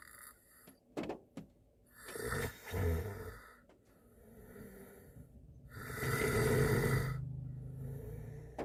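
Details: Adult man (boyfriend) asleep in a car on a snowy day, snoring: rough, rattling inhaled breaths with background rain-like hiss.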